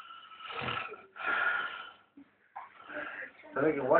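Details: Sleeping individual: noisy, rasping breaths with a whistling edge, snore-like on the breath in, then a brief snort and a soft voice at the end; snoring.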